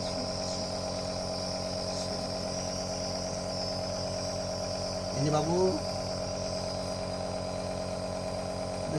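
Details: Nebulizer compressor switched on with baby mask attached for giving a baby nebulization: steady buzzing motor hum throughout with brief voice over it; nebulizer compressor running.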